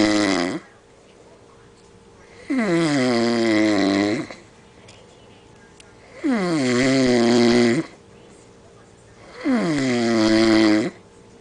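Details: Loud, tonal snores on each breath in, about 17 a minute, with quiet gaps between, recorded during sleep; snoring.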